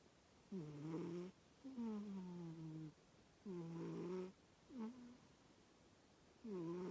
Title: Dionysus snoring in kitty cat heaven tv. #kittens #cat